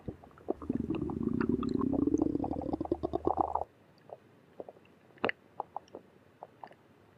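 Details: Stomach growling (borborygmi): a long gurgling rumble rising in pitch, followed by scattered soft pops and bubbly clicks.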